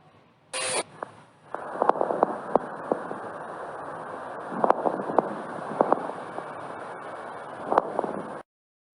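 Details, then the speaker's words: Pleural friction rub from inflamed pleural layers rubbing, occurring in pneumonia: steady breath noise with recurring harsh scratching, creaking bursts in clusters over the chest. "los brotes pre urales se generan por el roce de las capas plurales inflamadas aparece en neumonía y se escucha de la siguiente manera"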